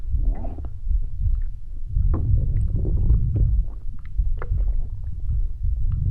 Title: midnight stomach growl